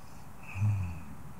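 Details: Soft snoring from a woman, offered as a free sound-effect recording.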